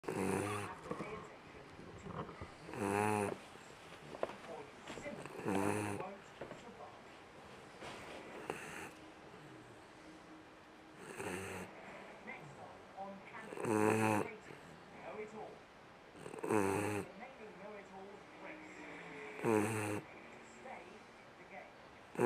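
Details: Sleeping dog snoring: regular rattling snores about every three seconds, roughly 22 a minute, with quiet breathing noise between.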